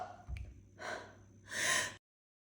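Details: Gasping run-up to a sneeze after sniffing a minty-smelling letter: quick noisy inward gasps building up in a quiet room, ending in a breathy burst.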